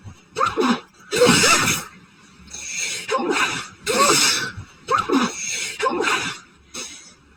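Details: Sneezing fit after going outside to check the mail during a very high pollen count; person suspects a new grass allergy, as grass normally doesn't bother them. A rapid run of about six sharp, hissing sneeze bursts.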